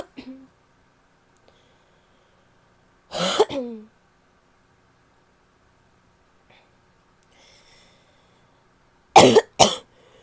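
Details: Female with an annoying cough: two harsh coughing episodes separated by quiet, each a couple of short hoarse bursts with a barky, croaking quality; barking cough.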